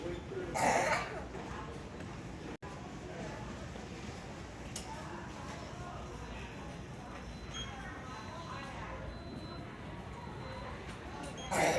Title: baby scream and aggressive cough at Walmart